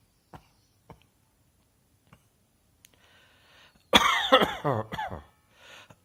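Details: After faint clicks and a soft breath, an adult gives a quick run of four or five loud, voiced coughs, then breathes in.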